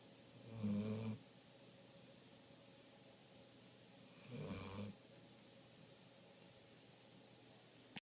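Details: Golden retriever snoring: two low rumbling snores on inhalation over eight seconds against steady room hum; ordinary snoring.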